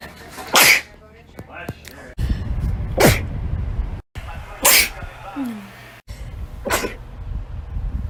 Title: Sneezes June 2019 - April 2020